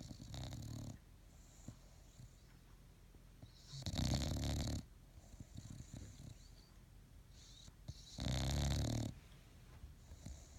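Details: Bulldog sleeping in the morning, giving deep, rattling snores with a wheezy whistling edge, separated by quieter breathing; snoring.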